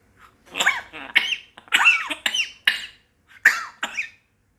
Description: My Funny African Grey Parrot is copying Cough 🤯